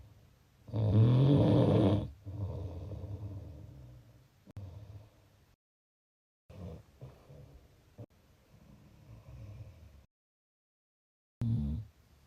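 Loud, rattling low snores on the in-breaths, separated by quiet pauses. Ordinary snoring.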